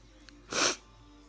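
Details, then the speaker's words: Single sharp, hissing sneeze in a quiet room from a person with an unidentified allergy, their second sneezing fit today; fits have grown from about seven sneezes to lasting four or five minutes. "I can remember years ago I used to all sneeze about seven times and let it stop and then the order I got went to about 12 times and then 13 times then 14 times and then it would stop and now it's going on for about four or five minutes I have an allergy for something I don't know"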